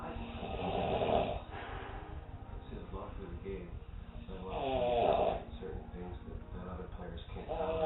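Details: Adult man, described as always a loud snorer, asleep on a couch: loud, rough, rattling snoring with irregular surges, partly mixed with background voices or music; snoring.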